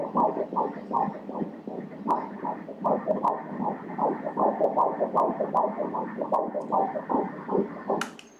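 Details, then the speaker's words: Rapid, regular whooshing fetal heartbeat at 173 beats per minute on Doppler during endovaginal ultrasound at 13 weeks 4 days of pregnancy; normal fetal heartbeat. "isn't it nice to hear the baby's heartbeat like that?"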